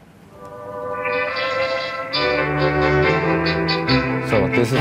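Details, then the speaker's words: Simulated high-frequency hearing loss with a simulated hearing aid in openMHA software; music sounds dull with serious quality degradation, a real effect of hearing loss rather than a shortcoming of the simulation. "so you can hear a serious quality degradation if you have a hearing aid and a hearing loss this is uh not a shortcoming of this simulation but it's a real effect"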